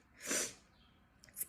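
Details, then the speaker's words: One sharp, hissing sneeze, then quiet breathing and a faint second burst, from someone who says they sneeze a lot and have really bad allergies. "Sorry guys, I sneeze a lot of times. I have really bad allergies. One second. I got to sneeze."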